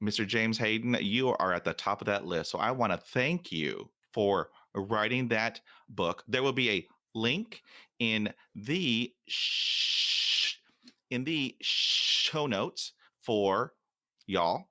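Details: Adult male who stutters, who says he stuttered the most in years and was far from fluent during his TED talk; stuttering.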